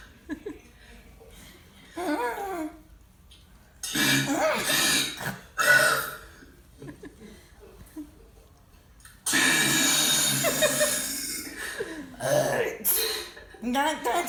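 Long, loud, deliberate burps shaped into letter sounds, with laughter between them; voluntary belching.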